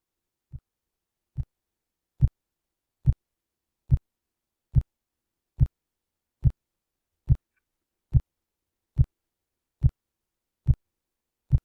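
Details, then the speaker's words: Simulated blood pressure measurement from a computer lesson sound, cuff inflated then deflated: regular soft low thumps, about 71 a minute, Korotkoff sounds. "Now, hopefully you'll be able to hear this because I turned it on so that you should be able to hear my computer sounds, but it'll pretend to blow it up and then let the air out."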